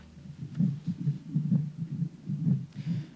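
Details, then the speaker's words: Recording made inside the womb during pregnancy: muffled, regular low drum-like thumps at about 65 beats a minute, the mother's heartbeat as heard by the fetus. "実際に妊娠中の子宮の中で録音した音を聞かせてもらいまし[音楽]た太鼓の音のように響くのは母親の心臓の音[音楽]です"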